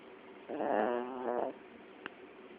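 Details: A female chiweenie dog, very tired and out cold after falling asleep, gives a single buzzing snore about a second long over quiet room noise; snoring.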